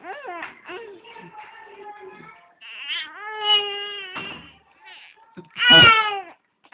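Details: Two-month-old boy crying in repeated wailing bursts with gasping breaths, hungry but refusing his bottle; infant cry.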